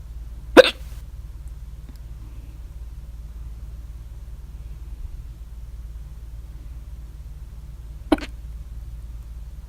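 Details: Loud hiccups at 3:04 a.m. after overeating at dinner, recorded with the mouth alternately closed and open; the very loud hiccups come with the mouth open.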